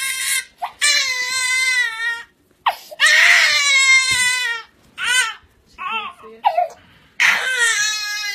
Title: Funny Cute baby crying for mobile 😂